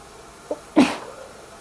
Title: Covering my sneezes with a towel